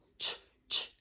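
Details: Non-lateralized /ch/ (spray bottle sound): a therapy cue in which the /t/ sound is made with protruded lips, used to treat lateral lisps in children.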